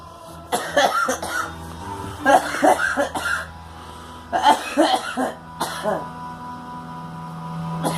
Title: Girl coughing